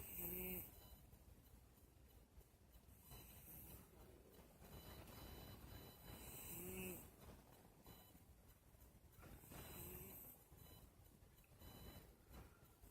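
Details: A pet cat of about 10 years snoring in deep sleep, before the phone camera's light woke her: soft, whistling breaths about every 3 seconds, roughly 20 a minute, with faint rough noise underneath. Light snoring.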